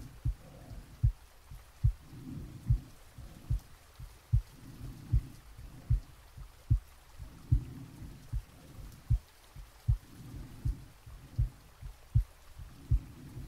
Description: Real heartbeat & breathing sounds recorded while I was sleeping to give you a authentic experience, with soft rain sounds, around an hour of content to help you relax.